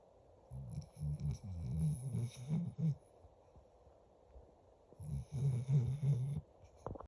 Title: You listen closely you’ll hear my dog snoring